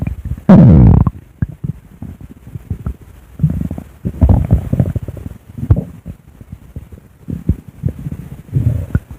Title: my recorded stomach growling w/art